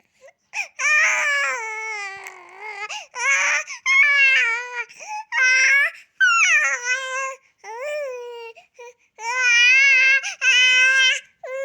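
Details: Baby with repeated high-pitched wailing cries in bursts separated by short gasping breaths; an ordinary infant cry.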